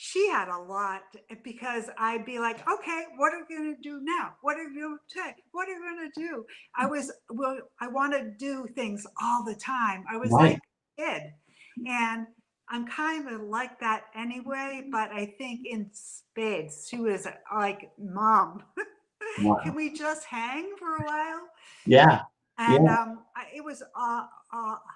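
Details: Adult woman about four years after a stroke caused by a brain AVM; had daily speech therapy twice a day in rehabilitation and still attends an aphasia centre; aphasia.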